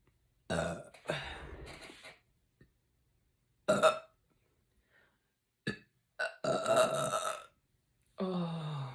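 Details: Several loud, voiced belches in a row with brief pauses between them, in a quiet room; a woman burping after drinking Canada Dry soda.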